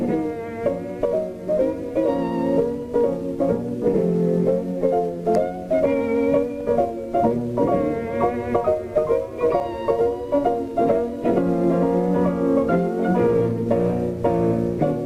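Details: Muffled, dull string quartet with high tones stripped away and slight distortion, simulating Beethoven's hearing loss, poorest in the upper octaves: a simulation of high-frequency hearing loss.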